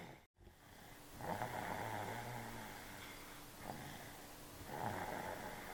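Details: Stuffy, congested sleeper napping: slow, rumbling breaths in and out with a nasal quality. Snoring.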